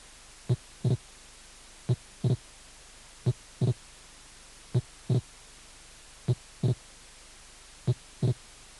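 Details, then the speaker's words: Wide, variable (mobile) splitting of the second heart sound: slow regular heartbeat with a single first sound and a clearly doubled second sound. "desdoblamiento amplio y móvil del segundo ruido"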